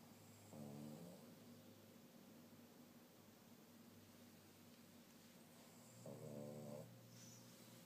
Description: My Bobo can snore with the best of them!!!!